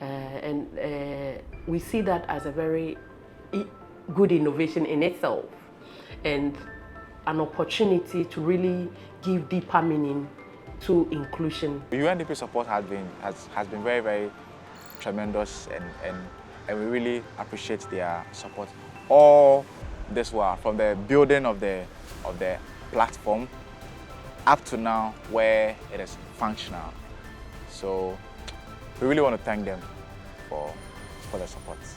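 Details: Adult male speaker; ordinary speech.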